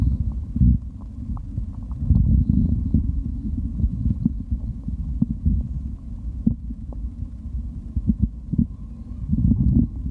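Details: Stomach growling while drinking: low, continuous gurgling rumble with brief clicks and bubbling, recorded for ASMR; bowel sounds.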